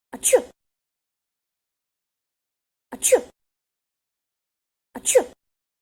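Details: Sneeze.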